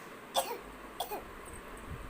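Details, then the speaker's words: Girl demonstrating how to cough: two brief, light coughs about half a second apart over steady background hiss; a mild, demonstrated cough. "देखा, आपको कफ होगा तो आप कैसे खांसोगे?"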